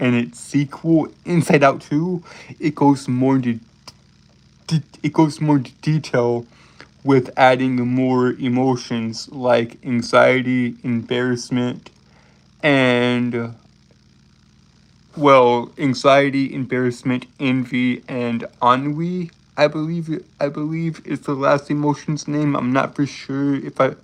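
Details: Adult male streamer with a self-reported speech impediment causing stuttering and tripping over words; word and phrase repetitions: stuttering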